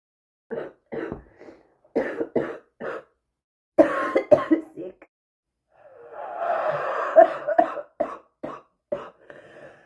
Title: bad smokers cough